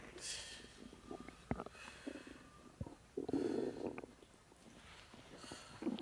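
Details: Borborygmi from the abdomen of a woman about 3 months pregnant, relaxing: irregular gurgling and rumbling bursts with soft clicks. She reports feeling uncomfortable, though not in pain, since learning she was pregnant.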